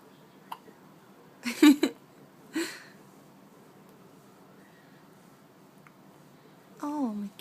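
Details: Infant's first hiccups: a few abrupt, sharp hiccup sounds with a quiet room between them, then a brief falling baby vocalization.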